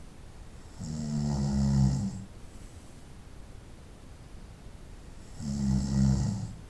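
Two low, buzzing snores about four to five seconds apart, with quiet breathing between. Regular snoring during sleep.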